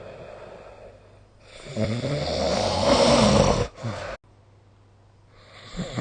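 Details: Snoring during sleep recorded with the SnoreLab app: a loud, rough, rattling breath noise building over a few seconds, then stopping abruptly into quiet room hiss.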